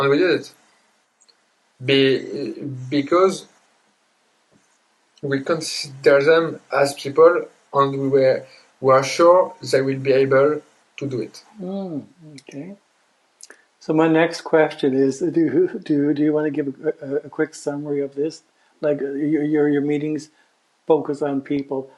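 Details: Adult man who grew up with severe stuttering alongside dysgraphia, dyspraxia and ADHD; word repetitions and hesitations while speaking English: stuttering.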